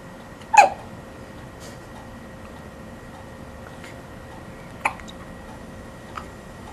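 A sharp hiccup, then fainter ones several seconds apart over steady room hum; hiccups.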